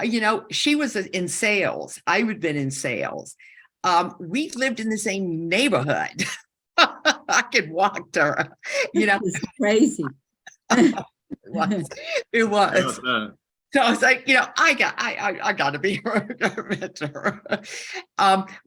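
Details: Woman with a stroke during aortic dissection surgery at age 47, with right-side loss and significant aphasia; she had about a year of speech therapy and still has aphasia symptoms; aphasia.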